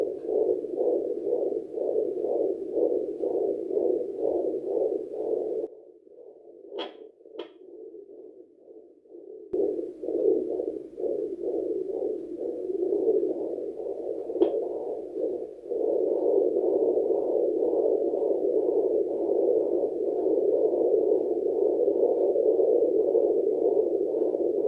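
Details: Normal fetal heartbeat at 34 weeks of pregnancy on a home fetal Doppler, with body lotion used instead of gel, after the mother ate a large meal: rapid, regular whooshing pulses at about 130 a minute.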